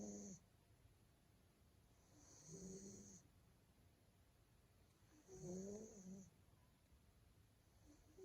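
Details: Male Maine Coon cat snoring in deep sleep: soft, regular snores with each breath, about 21 breaths a minute, in a quiet room.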